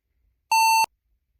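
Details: Recreated pure-tone audiometry tone, a single short steady beep, illustrating a sound-booth hearing test (audiogram) of the kind that found the patient a cochlear implant candidate.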